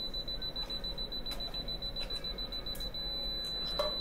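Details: Rapid, steady high-pitched electronic beeping from a dental apex locator during root canal treatment as the file passes the root tip and is pulled back to the 0.0 reading; distal buccal canal length measured at almost 20 mm.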